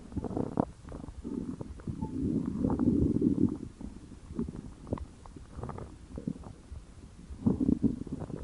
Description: And The Like Good Stomach Gurgle, This My Hungriness Good.